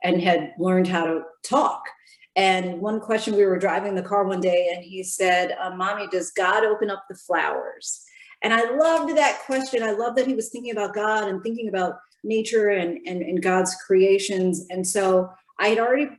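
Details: Adult woman; typical speech.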